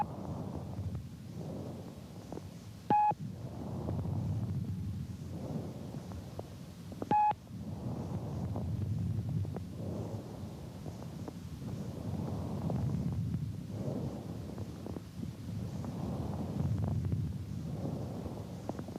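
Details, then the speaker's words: Normal bronchial breath sounds, as heard over the manubrium and large airways: loud, hollow, pipe-like breathing with a louder, longer expiratory phase (inspiratory to expiratory ratio 2:3) and a distinct pause between inspiration and expiration. "there is a distinct pause or gap between inspiration and expiration listen to bronchial breath sounds note the pause between inspiration and [Music]"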